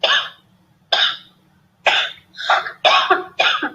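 Six harsh, spontaneous coughs in quick succession, the last ones closely grouped; an involuntary cough from a respiratory illness, labelled COVID-19.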